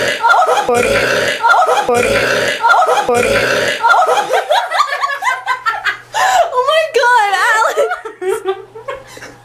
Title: Burping Contest Superbowl 2009